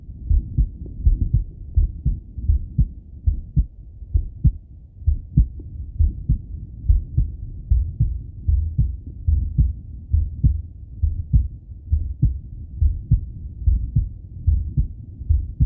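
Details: Steady low lub-dub male heartbeat through a stethoscope under a faint rumbling hum, with breathing; normal heart sounds on auscultation.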